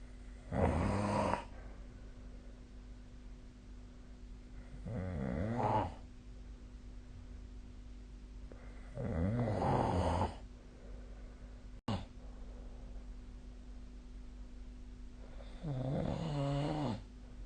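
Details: Snoring during sleep: four droning, fluttering snores at about 14 breaths a minute, separated by quiet gaps, with a faint steady background hum.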